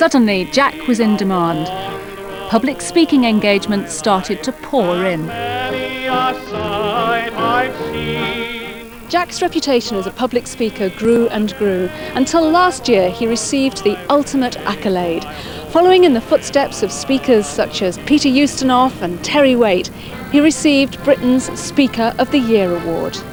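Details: Adult male narrator; typical speech.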